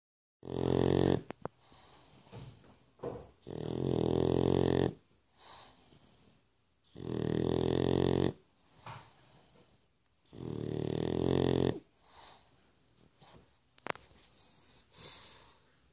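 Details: A pug snoring: loud, rattling snores, each about a second long, roughly 18 a minute, with quiet breaths between.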